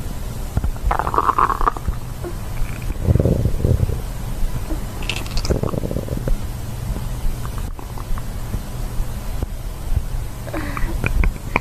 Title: asmr stomach growling, stomach growling asmr ~ 2023-11-28